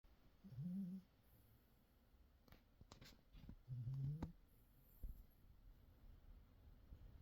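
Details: Two low, rumbling snores about three seconds apart, with quiet breathing between them in a still room; a sleeping pet snoring.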